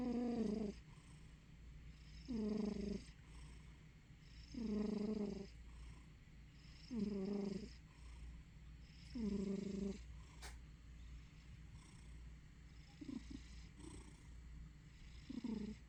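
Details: Sleeping cat snoring or purring: rhythmic, low, buzzing snore sounds on each breath, about 26 a minute.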